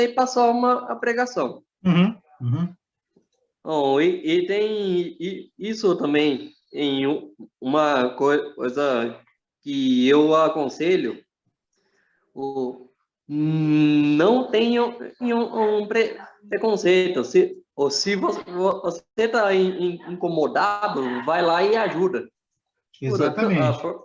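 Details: Portuguese-speaking man who reports that he himself has a stutter; stuttering.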